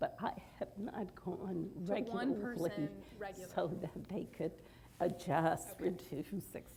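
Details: Mixed adductor and abductor spasmodic dysphonia of about thirty years in an adult woman with only partial relief from Botox and a current cold; breathy abductor and tight adductor voice breaks specific to certain sounds.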